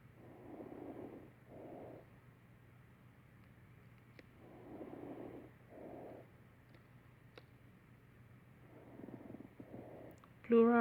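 Simulated chest sounds with repeated paired grating bursts on each breath: a pleural friction rub from inflamed pleura.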